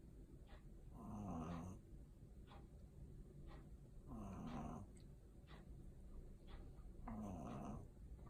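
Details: Small pug snoring with eyes open: rhythmic, rumbling, snorting snores from a flat-faced dog, about 20 breaths a minute.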